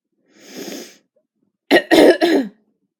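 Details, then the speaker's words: Simulated (acted) cough: a drawn-in breath, then three quick, harsh coughs in succession, in a bedtime scene where a stuffy nose is also mentioned. "so you don't like the sound of that cough or a stuffy nose for that"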